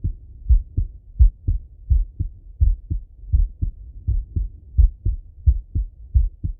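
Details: Male heart auscultated with a stethoscope, recorded partly sitting at a desk and partly lying in bed: regular low paired thumps at about 86 beats a minute; normal adult heart sounds.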